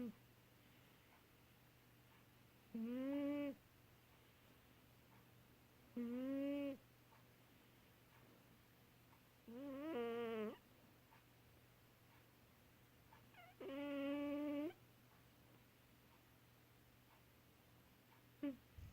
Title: My snoring kitty, Baby Girl